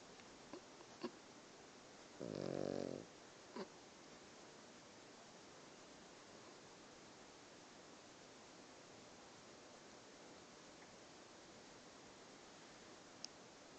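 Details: One short, low, rattling snore from a sleeping pug in a quiet room, followed by near silence; snoring.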